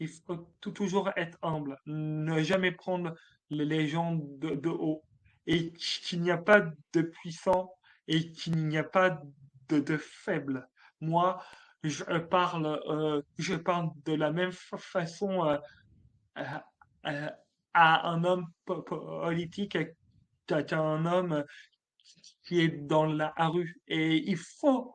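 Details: Adult male French-speaking comedian who has stuttered since childhood; stuttering.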